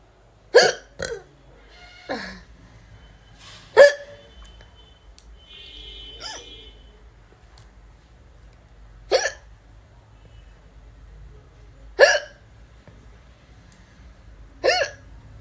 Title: || Indian Woman Hiccups || || #hiccups #indian #woman ||